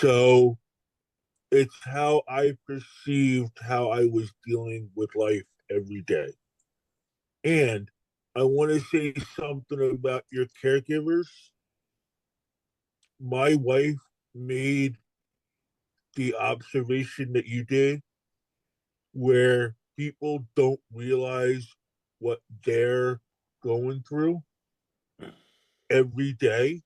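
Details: Adult male stroke survivor with post-stroke aphasia, heard with halting, self-correcting speech; aphasia.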